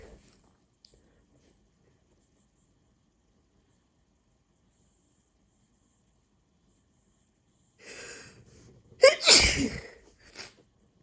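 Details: Hay fever sneezing during a bad allergy month after cutting grass: a long quiet stretch, then a sharp inhalation and one loud explosive sneeze.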